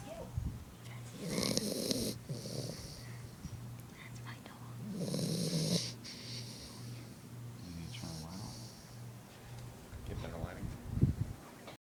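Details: Dog snoring during sleep: two long, rough, rattling snores on slow breaths over a low steady room hum.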